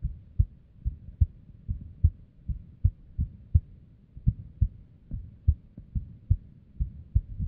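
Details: Female at rest with an unstable heartbeat, arrhythmia and abnormal beats: low heart thumps at about 72 a minute with uneven spacing, an irregular rhythm.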